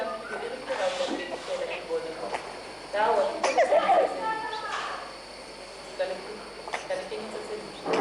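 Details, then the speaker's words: Child: short voiced grunts with each breath out, expiratory grunting indicating difficult breathing, not stridor or wheeze. "We heard a grunting noise when was breathing out and established that the child was having difficulty in breathing."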